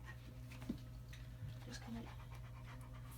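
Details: Older German Shepherd losing rear-leg strength pants in quick, shallow breaths over a steady low room hum during a chiropractic adjustment for atlas misalignment with left-sided muscle atrophy.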